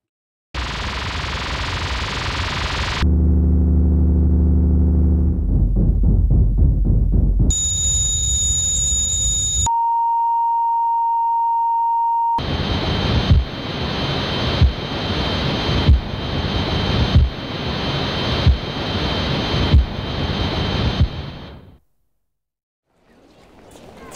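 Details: Simulated tinnitus sounds: hissing, humming, high whining and steady ringing tones, then rhythmic pulsing whoosh, illustrating the hearing condition tinnitus.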